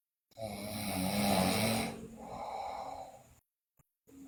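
One long, loud, rough breath noise with a vibrating quality, then a quieter one and silence; a child's snore during sleep.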